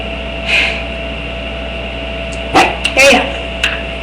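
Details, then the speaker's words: A single real sneeze, induced by smelling perfume during a sneezing challenge: faint breathy onset, then a short sharp burst and a quick follow-up over room hum. "That was a real sneeze. Barely came up."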